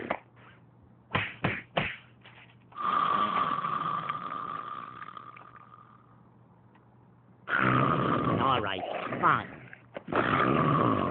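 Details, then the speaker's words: Acted cartoon snoring from Looney Tunes (Daffy Duck): long exaggerated rasping snores with short snorts between them. "hey wake up come on you're snoring wake up Daffy wake"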